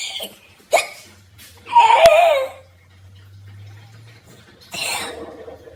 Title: Dang hiccups 🤦🏻‍♀️😒